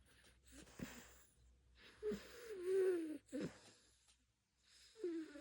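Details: Sleeping cat snoring: soft breaths with a thin, whistling, wheezy tone on several breaths.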